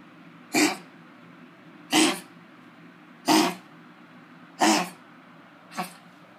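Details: Dog with kennel cough giving five harsh, dry, honking coughs about a second apart.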